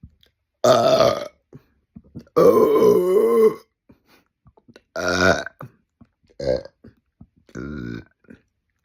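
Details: Five loud, drawn-out, voiced burps separated by quiet pauses; forceful belching of swallowed gas.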